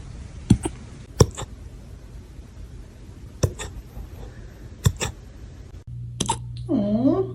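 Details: Puppy hiccups: five sharp, brief hiccup sounds at irregular intervals, some with a quick double click, then a short high whimper.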